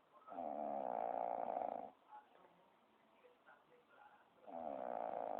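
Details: Sleeping dog snoring: two long, loud, rattling snores separated by a quieter pause with small snuffles.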